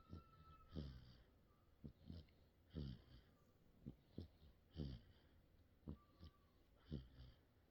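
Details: 55-day-old baby snoring: soft rhythmic snorting snores about 30 a minute, harmless noisy nasal breathing in sleep.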